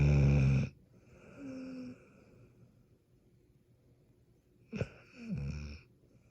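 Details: Kelpie dog asleep: two low, rattling breath sounds a few seconds apart, the first loud and coarse; snoring.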